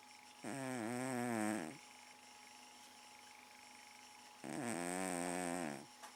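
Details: A pet cat snoring while asleep in the living room, a habit that can last all night: two long, tonal, buzzing breaths about four seconds apart over a steady hum.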